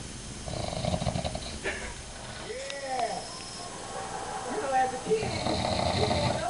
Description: this is my dad snoring